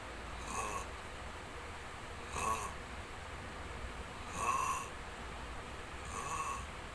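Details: Long snoring: soft, hissing breath sounds recurring about every two seconds over steady room hum; light snoring.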